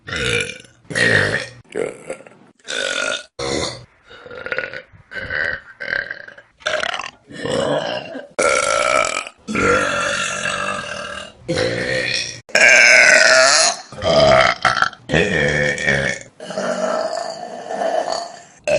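A rapid series of loud, voiced belches of varying pitch and length, one after another; repeated burping.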